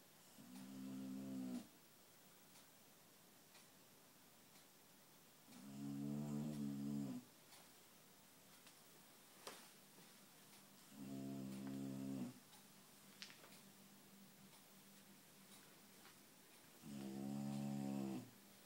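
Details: Loud snoring from a sleeping subject, with four rattling, buzzy inhaled snores about 11 a minute and quiet pauses between, over low room noise.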